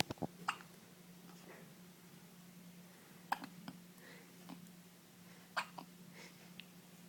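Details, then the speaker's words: Infant boy's first hiccups, his third bout that day: about three sharp hiccup clicks, each followed by a small catch of breath, in a quiet humming room; hiccups. "Oh, Mr. Man's got the hiccups."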